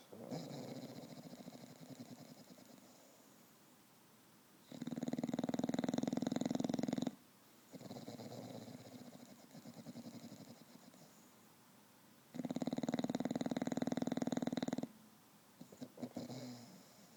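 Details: A bulldog snores daily, louder when tired, as here after an afternoon at the dog park: loud, rattling snores in sleep with a softer rumble on each breath out.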